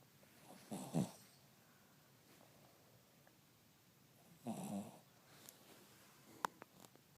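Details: Cavalier King Charles Spaniel sleeping: two low rattling snores about four seconds apart over quiet room noise, with a few small clicks; snoring.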